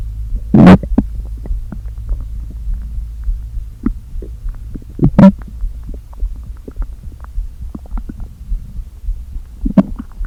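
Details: Stomach noises after not eating all day, with the stomach deliberately inflated a little: low hollow empty-sounding groans and gurgles, louder bursts of air pushed back and forth, over a steady hum; borborygmi.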